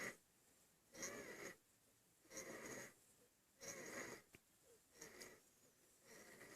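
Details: Infant breathing hard: noisy, effortful breaths with a wheezy, snuffly edge at about 45 breaths a minute, consistent with laboured breathing.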